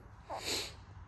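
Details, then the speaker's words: Adult with a cold and fever who has taken medicine: a single short, hissing nasal sniff-snort from congestion. "તમે જોવ છો શરદી અને તાવ જેવું છે હમણાં તો દવા તો લીધી છે."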